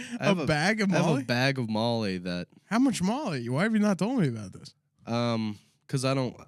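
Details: Adult male speech, possibly two speakers in dialogue; conversational speech.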